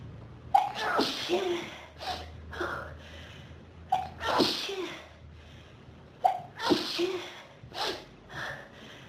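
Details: Four quick sneezes, each with a sharp breath in before the burst, and soft sniffing between: a sneezing fit from room dust in a person with pollen and dust allergies since about age 14; nose "on fire".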